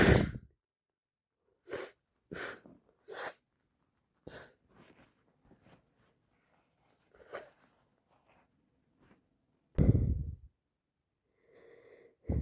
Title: Worst cold ever so much sneezing and blowing my nose #sneezes #cold #snotty